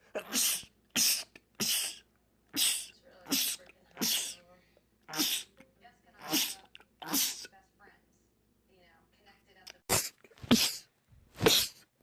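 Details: Rapid repeated sneezing in a man: about a dozen sharp, explosive sneezes in quick succession with brief pauses, others counting and saying "bless you"; a rapid sneezing attack from a sneeze compilation.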